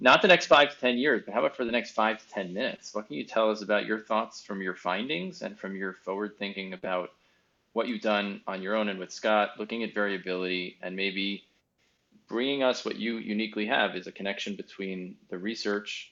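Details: Adult male speaker; typical speech.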